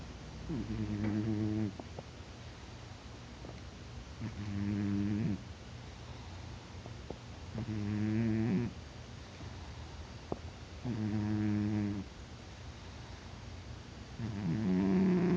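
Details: Cat in deep sleep who won't wake despite poking and grows louder over time: rhythmic low buzzing snores, about 18 a minute, each around a second with quiet pauses; snoring.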